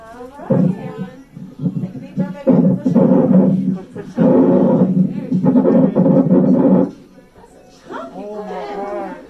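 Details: Loud, strong, repeated crying from a newborn boy just after delivery at 40 weeks 5 days, described as a big boy, with voices in the room; normal vigorous first cry; newborn cry.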